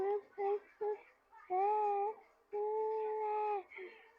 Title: baby crying out of breath hiccup sounds